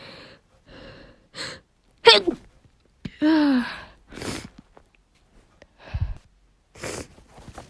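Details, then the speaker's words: Woman with deliberately induced sneezes and sniffles: breathy catches and gasping build-up, then a sharp sneeze burst, a drawn-out voiced exhale and further short puffs; sneeze. "this is working i'm going to sneeze ah i'm gonna sneeze"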